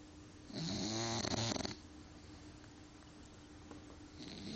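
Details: Loud, rattling, rumbling snore on one in-breath from a sleeping bulldog, then quiet room noise and the start of the next breath: bulldog snoring.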